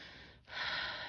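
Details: Normal breath sounds auscultated over a lateral lower lung lobe in the mid-axillary line, compared side to side: soft, even airflow noise with a brief pause, then a smooth louder breath.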